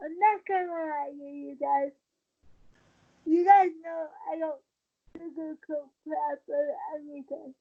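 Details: Dysarthria in a 23-year-old woman with cerebral palsy since birth, born premature, a more advanced form affecting the brain's balance center; wheelchair user who links prematurity to her speech instability.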